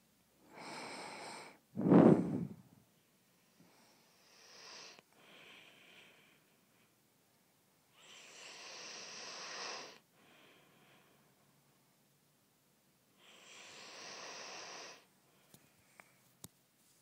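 Slow, breathy snoring breaths every few seconds with one louder snorting sound early on, in a quiet room.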